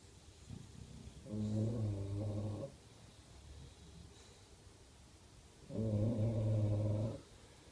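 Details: Bulldog snoring through the night: two long, deep, rumbling snores about four seconds apart, with quiet breathing between them; snoring.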